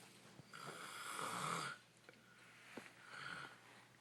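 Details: Extreme snoring, on a good day: a loud rattling snore on inhalation followed by a quieter second snore during sleep.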